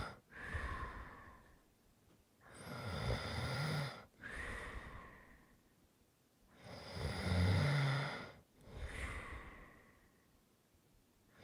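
Deep, rattling snores on the in-breath, each followed by a breathy exhale, about 14 breaths a minute.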